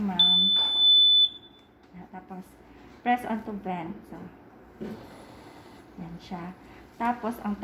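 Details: Sustained high-pitched electronic alarm tone with short beeps and room voices from an HT50 portable mechanical ventilator during set-up; ventilator alarm beep.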